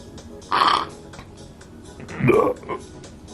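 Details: A girl giving two low, throaty belches about a second and a half apart over faint background music; burping.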